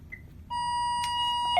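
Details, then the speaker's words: Medfusion 3500 pediatric syringe pump in a training setup: steady high-pitched alarm tone after the wrong syringe make was entered, showing an invalid syringe message before being silenced; syringe pump alarm. "push my silence button my message is invalid syringe sighs well I put in the wrong maker that's what I did"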